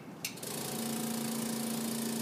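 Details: A click, then a steady constant-tone motor hum as the suction machine is turned on during a tracheostomy suctioning teaching demonstration.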